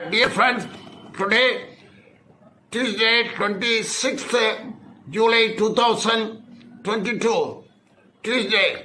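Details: Adult male speaker; normal voice.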